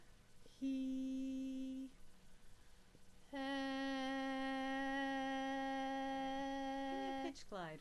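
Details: Laryngeal video of voicing while gliding from lowest to highest pitch, vocal folds opening, closing and lengthening; normal phonation with pitch glide.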